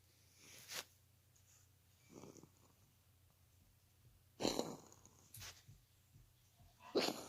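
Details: Cat Peyton gives a series of short, harsh, explosive coughs a second or two apart, like an old man coughing.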